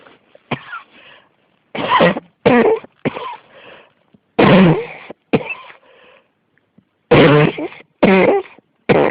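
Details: Persistent cough: repeated harsh, explosive coughs in close bursts, about eight over nine seconds, with brief gasps between them.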